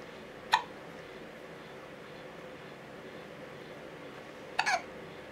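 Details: Infant son with hiccups, recorded on a Canon HF M506 camcorder: two brief, sharp little clicks about four seconds apart over quiet room noise; hiccups.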